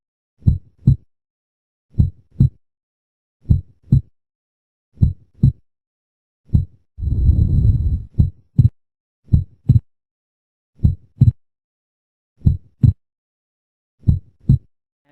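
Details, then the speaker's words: Steady paired heart sounds near 40 a minute, the second sound splitting into two components, accentuated during inspiration and merging during expiration: physiologic splitting of S2. "so show logic splitting of course during the inspiring that's the most important is a phology splitting during insation okay just accentuated during the inspiration and this appears during experation"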